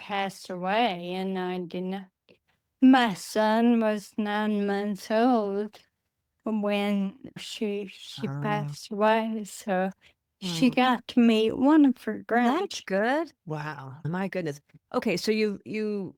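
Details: Adult woman with Friedreich's ataxia, a rare progressive neurodegenerative disease diagnosed at age 23, which she says affects her speech and can cause speech and swallowing difficulty; she uses a wheelchair. Finding: ataxic dysarthria.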